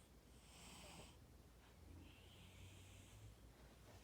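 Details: Gentle snoring from a sleeping cat: two soft, hissing breaths with a faint low rattle over a low background hum.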